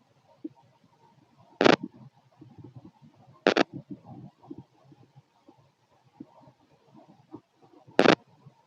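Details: Bowel sounds (borborygmi).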